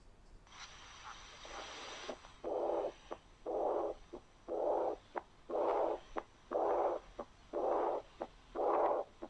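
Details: Teaching case, stethoscope diaphragm at the aortic area: loud blowing murmur with each heartbeat at about 60 a minute, the severe form of aortic regurgitation (mild version also demonstrated).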